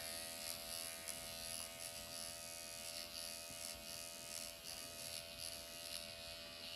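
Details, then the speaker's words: Microneedling pen set to 1 mm needle depth, used by the practitioner on her own forehead over applied hyaluronic acid with horizontal, vertical and cross-hatch passes, causing mild erythema: steady high-pitched electric buzz in a small quiet room. "And I have 1 millimeter on right now, and you can see that I'm getting a little bit of erythema. I don't feel a thing."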